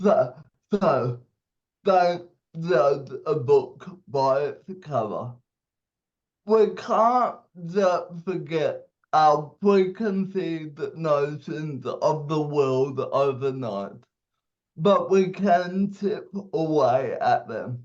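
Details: 27-year-old man with cerebral palsy; at birth a doctor said he would never walk or talk; dysarthria (cerebral palsy).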